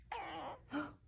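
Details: Two short, squeaky, gurgling rumbles from a Cavapoo dog's belly, ordinary stomach gurgling (borborygmi) that kept going.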